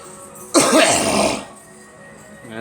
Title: Girl coughing